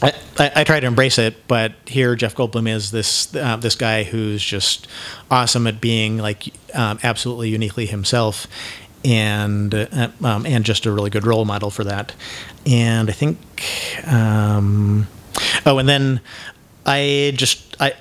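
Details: Man who identifies himself as having cluttering, with frequent word repetitions and mid-sentence self-interruptions (mazing); this stretch has repeated words and phrases and a broken-off word. Finding: cluttering.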